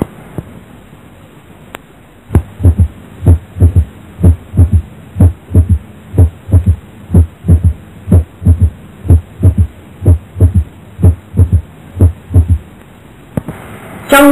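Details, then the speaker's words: Physiological third heart sound in a child: regular low heartbeats about 62 a minute with a soft, low-pitched S3 0.12–0.18 s after the second sound, seen in children and young people under 30. "Tiếng thứ ba yếu sinh lý có thể gặp lại trẻ em và người trẻ dưới 30 tuổi"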